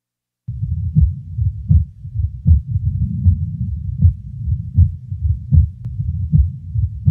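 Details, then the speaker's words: Paradoxical (reversed) splitting of S2 in a patient with left bundle branch block, heard at the left base with the diaphragm: regular heartbeat near 78/min, S2 splits on expiration and becomes narrow or single on inspiration; respiration audible in background. "the split will be audible during expiration and the second sound splitting will be narrow or become single during inspiration the paradoxically Split Second sound is heard best at base left with the diaphragm chest piece"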